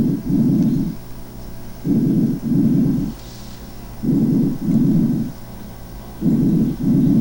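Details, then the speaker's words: Stethoscope auscultation in a patient with pulmonary emphysema (COPD): soft, low vesicular murmur with diminished inspiration and prolonged expiration lasting longer than inspiration. "vamos a escuchar como percibiríamos nosotros con el estetoscopio los ruidos el murmullo vesicular en un paciente con enfisema pulmonar chequen"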